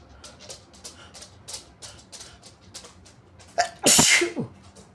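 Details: Adult sneezing, induced by tickling the nose with paper tissues while trying to hold back: quick sniffing breaths build to one loud, forceful, wet sneeze; an ordinary harmless sneeze.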